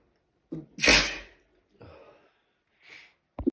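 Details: Natural sneezing fit: a sharp inhaled catch, then one loud explosive sneeze, followed by softer breaths and a brief vocal sound; sneezing.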